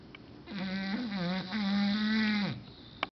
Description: My english bulldog Ballerina snoring very LOUD